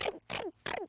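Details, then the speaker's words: A 12-year-old girl reported to sneeze about 12,000 times a day gives three sharp sneezes in under a second, in rapid machine-gun succession: paroxysmal sneezing. "yo the girl has machine gun sneezes it sounds like some kind of an smg or something i can't really imagine waking up one day and then sneezing 12 000 times from then on"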